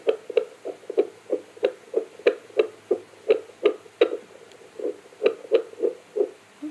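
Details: Fetal heartbeat heard on a Bestman BF-515 home fetal Doppler: rapid, rhythmic whooshing pulses at about 180 beats per minute.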